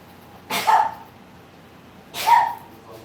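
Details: Two short, high-pitched, squeaky sneezes about a second and a half apart in a quiet room.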